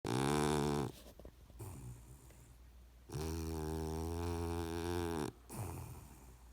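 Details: Puggle puppy fast asleep and snoring: two long, deep, vibrating breaths with a softer, noisy breath between them.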